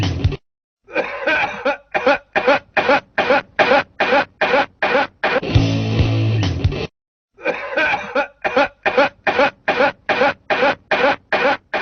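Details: Cough.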